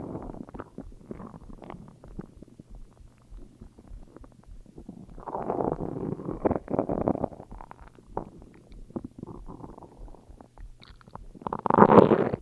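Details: Stomach growling (borborygmi): irregular low growls and gurgling rumbles with quieter gaps and a louder burst near the end.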